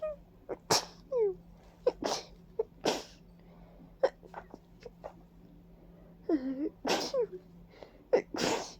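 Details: Rapid series of about eight wet, explosive sneezes with sniffs and catch breaths between them from a congested person with a runny nose and watering eyes; allergic sneezing attributed to ragweed and dust.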